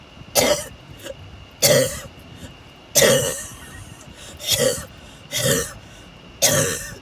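Six loud, harsh coughs, roughly one every second, over steady road noise; a repeated coughing fit.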